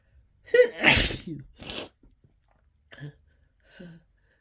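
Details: Uncontrollable sneezing brought on by Chhinkni sneezing snuff: one loud, harsh sneeze with a sharp intake before it, followed by two faint breathy sounds.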